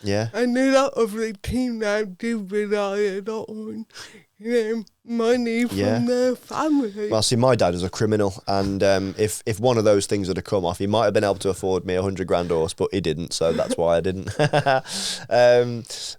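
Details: Dysarthria in an adult woman with athetoid cerebral palsy from birth, an elite Paralympic dressage rider, whose speech is affected by her cerebral palsy; finding: dysarthria (cerebral palsy).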